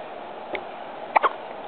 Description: my neice at 3 months hiccupping but sounds like a squeaky toy instead. so cute!!